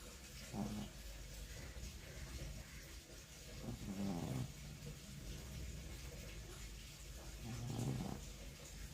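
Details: Snoring in a sleeping Shih Tzu: three low, rumbling snorts about every three to four seconds over steady background hiss.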